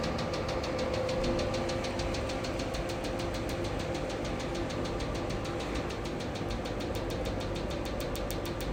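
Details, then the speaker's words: 2-in-1 pico Nd:YAG and 808 nm diode laser machine running in hair removal mode: steady hum with a fan-like whir and fast regular ticking pulses as the handpiece fires. "okay now we will start the hair removal trimmer before doing this trimmer we need to put the gel on the treatment part"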